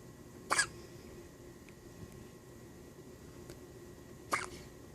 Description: Baby girl has the hiccups :) 6 days old!